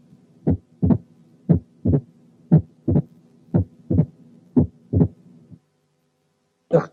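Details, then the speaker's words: Opening snap: heart sounds at about 60/min with a sharp, snapping early diastolic sound after S2, farther than a split S2 but closer than an S3. "في لها كاركترستيك تانية، وهي إن السناب اسم على مسمى، يعني سنابي، يعني بالطرقع."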